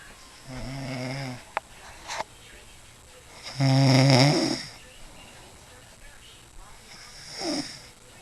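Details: Adult woman asleep in a quiet room, snoring loudly with three rattling snores, each on a breath in, and quiet pauses between; she says she doesn't snore. Snoring.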